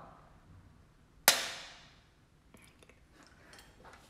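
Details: Pressurized mesotherapy injector firing into gelatin to show depth of spread: one sharp, loud snap with a quick fading ring, then faint rustling.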